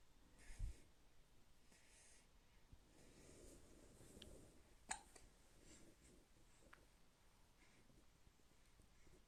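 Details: 5-week-old baby girl in active sleep with hiccups: a few brief, soft, jerky catches of breath in a quiet room, in keeping with newborn hiccups.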